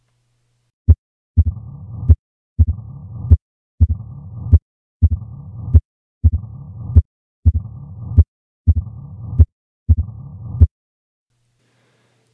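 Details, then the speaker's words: Heart murmur teaching example: extra early-diastolic sound, an opening snap from a stenotic, stiff mitral valve, with low-pitched murmur loudest with the stethoscope bell; mitral stenosis murmur with opening snap. "there is an extra sound there but it's something called an opening snap which is caused by a stenotic and stiff mitro valve snapping open once pressure in the left ventricle drops below that in the left"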